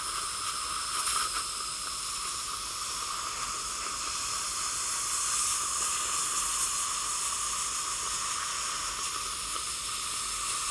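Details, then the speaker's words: Continuous airy hiss of a dental air syringe drying acid-etched teeth, leaving frosty white areas, before bonding a wire splint to stabilize traumatically injured teeth. "we'll rinse off the etching agents with water and then dry the teeth and as we saw previously the areas of that are etched will show up as white chalky areas on the teeth"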